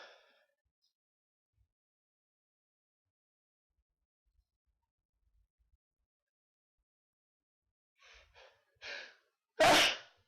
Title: Sneezes